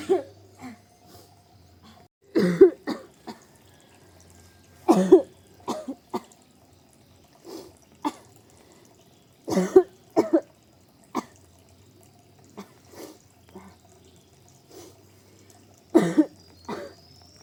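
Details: Woman who couldn't stop coughing at home: repeated bouts, about two dozen coughs a minute in short clusters with quiet gaps; persistent cough.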